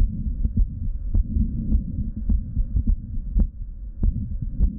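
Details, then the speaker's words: Woman with lipoedema, heard over the aortic area at rest: muffled heartbeats with a steady low whooshing between them, a diastolic murmur with a fourth heart sound. "so every time it contracture is harder and harder you can hear more of that turbulent blood flow so as you could hear it was a lot more turbulent you can hear that moment more so than your heart sound which is very interesting"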